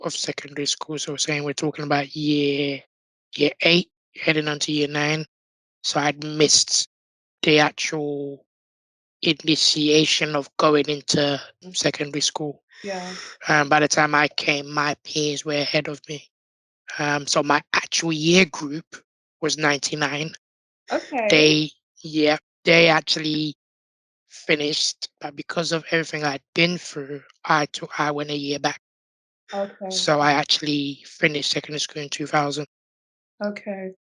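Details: Tracheostomy voice in an adult man born six months premature with undeveloped airways. He had emergency surgery at birth, spent two years in an incubator and has lived with a tracheostomy; prematurity heavily impacted his vocal cords.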